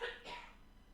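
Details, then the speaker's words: Two short, harsh cough bursts in quick succession from an adult who is getting better after sneezing heavily the previous week, fading into quiet room noise; cough. "yeah you can hear the coughing I'm coughing and it we're starting to get better last week I was sneezing up a storm"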